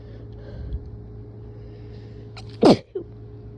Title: Rapid, strong, sick sneezes and nose blow